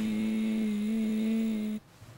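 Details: 87-year-old patient 6 months after office removal of a hemorrhagic vocal cord polyp, vocal cords very flexible and supple with a straight edge; normal sustained phonation after vocal cord polyp removal.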